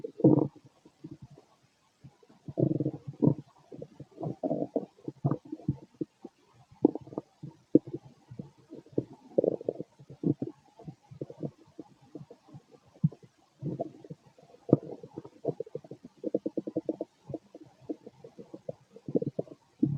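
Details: Adult male stomach growling late at night after a large meal, feeling gassy: low gurgling, bubbling rumbles in irregular bursts; ordinary borborygmi.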